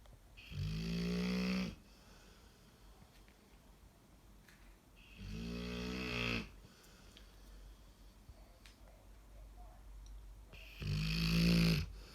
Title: Snoring dog